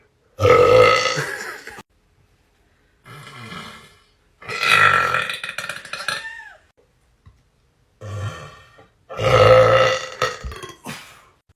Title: Burp contest